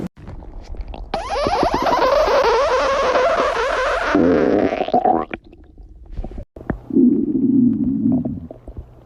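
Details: Stomach growling (borborygmi) from a person.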